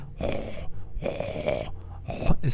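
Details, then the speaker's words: Pericardial friction rub heard with the stethoscope at the apex while the patient holds their breath: harsh, scratchy, rhonchus-like grating bursts following the regular heartbeat rhythm, in a pericarditis context. "roncus lo vas a notar con un ritmo regular, es decir, con los latidos. Es como un roncus con los latidos, ¿no?"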